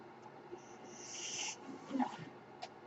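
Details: Mechanical ventilator sound: a soft, airy hiss rises and falls over about a second, followed by faint clicks and low murmurs as the ventilator delivers a breath; the speaker says it is his ventilator.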